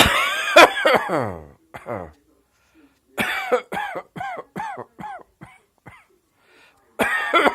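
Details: Several short coughing bursts with a voiced, tonal quality, separated by quiet pauses, in a small quiet room; a cough called "pyjama cough".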